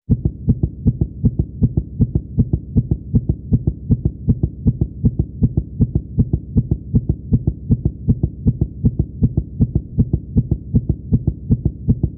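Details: Rapid, regular heartbeat at about 160 beats a minute, a reused cartoon sound effect used for an animated character, not a real recording; fast heartbeat.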